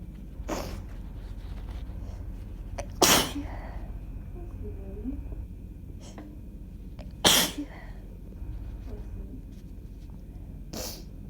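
Three sharp, explosive sneezes in quick succession with brief breaths between; a short sneezing fit.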